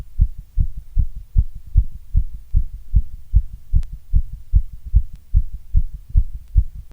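Strong, steady, low-pitched heartbeat thumps repeat evenly throughout, with a regular rhythm.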